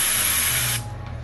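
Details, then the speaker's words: Cold spray numbing the skin before a butterfly needle pinch in live Varithena foam sclerotherapy of the below-knee great saphenous vein under ultrasound: steady loud aerosol hiss lasting under a second. "We will do cold spray to numb the area a little bit."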